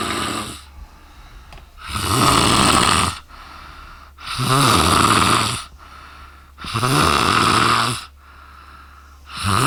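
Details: Exhausted adult woman asleep in Paris snoring very loudly: loud, rough snores on each inhalation about every 2.5 seconds, with quieter exhalations between them.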